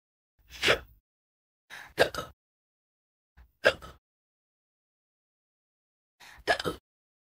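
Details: AI-generated audio of a fictional girl character hiccuping after falling into a vat of experimental hiccup potion: four short, abrupt catch-like vocal bursts separated by silence, an irregular hiccup pattern.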